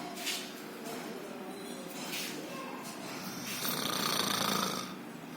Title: High snore